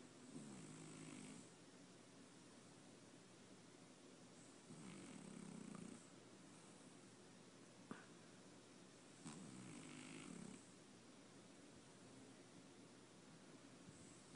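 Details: Cat snoring during sleep: soft, low, fluttering snores recurring about every four to five seconds over steady room hiss.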